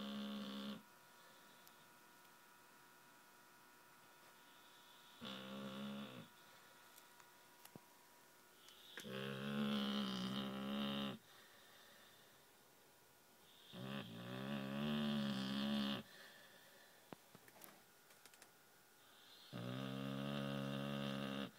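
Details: American Staffordshire terrier sleeping after a romp at the beach: slow, droning snores on each breath in, about five in twenty seconds, with quiet pauses and faint room hum.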